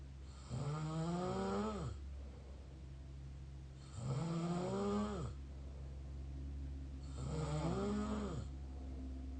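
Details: Mouth snoring: three long, droning, vibrating breaths roughly every three seconds, about 18 a minute, over a steady low hum.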